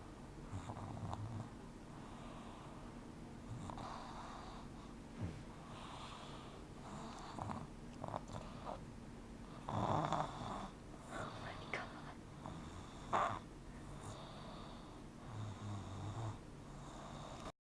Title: Baby Snoring!!